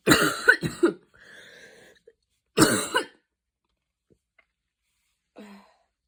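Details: Coughing fit after an evening run in cold air, a mild asthma attack that began as wheezing: a run of harsh coughs, a faint wheezy breath, another burst, then a short strained breath.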